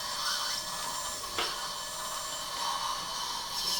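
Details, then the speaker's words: Live immediate-loading dental implant surgery with a digital guide, upper left side: steady high-pitched whirring as the conventional bone-prep drill, used instead of a tissue punch, makes the initial pass through the gums, shorter than the final implant length. "so first he is performing the initial drill that penetrates through the gums and with a shorter length compared to the final length of the implant"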